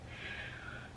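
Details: Adult around 40 with biopsy-confirmed sarcoidosis flaring up, on inhaled steroid: one quick, noisy, gasping breath drawn in between phrases while talking, audible breathlessness.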